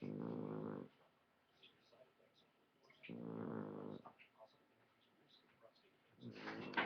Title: Holly snores like a human :)